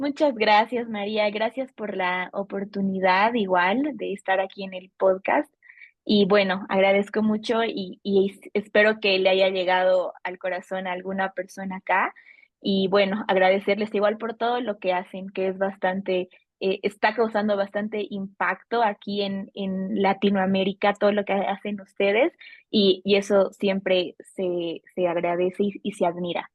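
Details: Adult female Bolivian speech therapist who stutters; stuttering.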